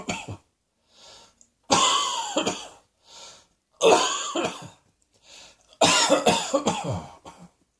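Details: Three bouts of forceful coughing, each preceded by a quick breath in; repeated dry-sounding adult cough.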